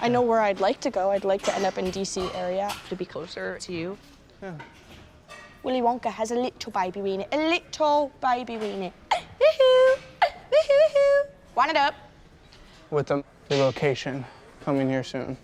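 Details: 21-year-old woman from West Virginia with severe Tourette syndrome and obsessive-compulsive disorder, producing vocal tics of obscene and nonsense phrases while conversing at a gym; Tourette syndrome vocal tics.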